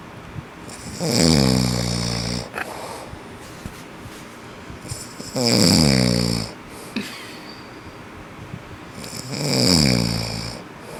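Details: Adult man (father) snoring, known for loud snoring: loud, rattling snores on each in-breath, three in about eleven seconds, with quieter breathing between.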